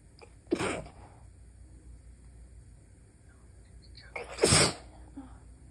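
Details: Stifled sneezes at night, held back to avoid waking a sleeping partner: two muffled, partly held-back sneezes with quick breaths before each, in a quiet room.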